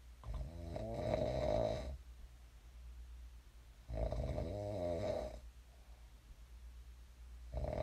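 Two long, rattling snores on breathing in, about four seconds apart, with quiet breathing out between them. Ordinary snoring.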